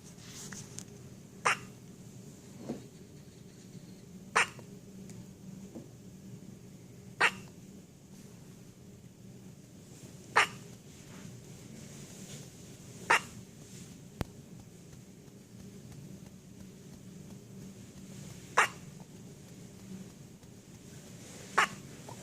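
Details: A dog's first hiccups, recorded 10/13/15: short, sharp clicking gulps every few seconds over a steady room hum.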